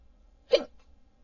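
A single abrupt, short voiced catch over a low hum: one hiccup.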